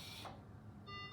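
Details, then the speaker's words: Anesthesia machine high pressure alarm during the machine check: with Y-piece occluded and APL valve closed at 70, re-flushing after the 30 pressure hold triggers an electronic tone, brief pause, then a steady high beep. "I'll get a high pressure alarm, which I want to ensure that I have a high pressure alarm."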